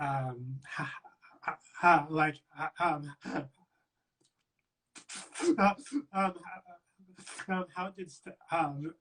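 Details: Real adult who stutters, speaking in a conversational interview; finding: stuttering.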